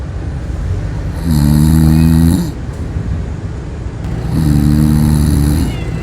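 Two long, steady rattling snores about three seconds apart, with a soft hiss between them. Snoring in a sleeping cat.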